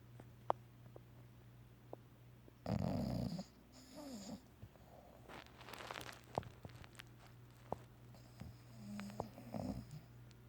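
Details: Loud, rough snort followed by softer, uneven rattling breaths from a bulldog during an afternoon nap, possibly dreaming: snoring.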